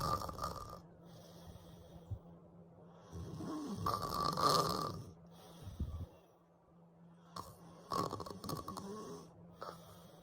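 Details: Simulated text-to-speech snoring for an animated baby sleeping in a crib: irregular, noisy snoring breaths with snorting bursts over a steady background hum.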